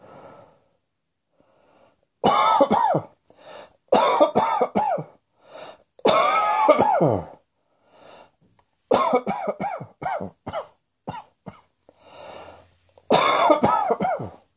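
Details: Repeated bouts of harsh, forceful coughs in quick clusters, acted rather than from illness; simulated cough.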